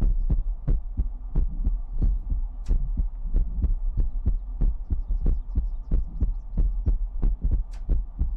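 Strong, regular low thumping heartbeat at about 90 beats a minute over a steady hum.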